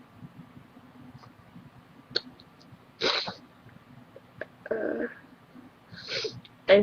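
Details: Young woman who says she is sick, with headache and sore nose, possibly allergies, gives several sharp sneezes in a quiet room, each a sudden burst of air.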